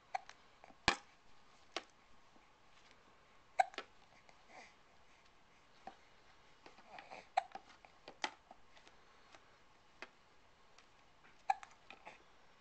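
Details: Hiccups recorded on a Flip Video camcorder: sharp, abrupt gulping clicks repeating irregularly, about a dozen over twelve seconds, in a quiet room.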